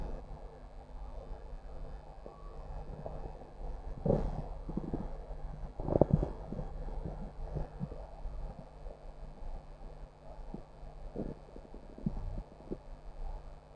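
Low gurgling and rumbling from the belly with a few louder growls over steady background noise; ordinary stomach growling.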